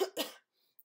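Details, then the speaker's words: Adult sick with a cold and a hoarse voice, during a livestream: two quick, harsh cough bursts in close succession, then silence. "bit I'm a bit sick so I just I almost wasn't gonna do a live live stream today"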